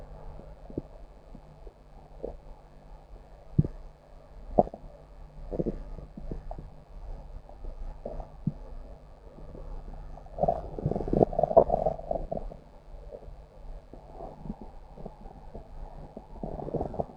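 Irregular low gurgles and rumbling bursts, loudest near the middle: stomach growling from gas and fluid moving through the gut.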